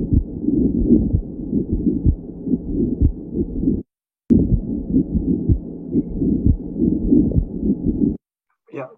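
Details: Scratchy, grating sounds recurring with each heartbeat through the chest recording: a pericardial friction rub in pericarditis.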